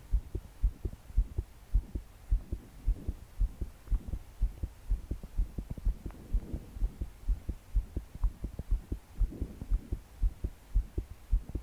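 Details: 22-year-old female trying to sleep, body shaking with each beat, deep breaths not helping: strong, steady, deep heartbeat thumps with soft breathing and rain behind; pounding heartbeat felt as palpitations.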